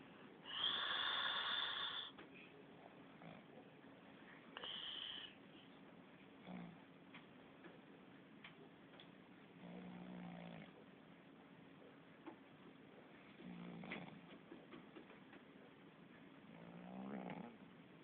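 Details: Sleeping cat: soft, spaced snoring breaths with quiet room noise between them; snoring.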